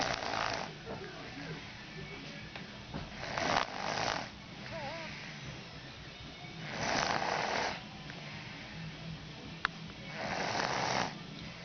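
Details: Snoring: loud, rough snores on each breath in, roughly one every three to four seconds, with faint background music.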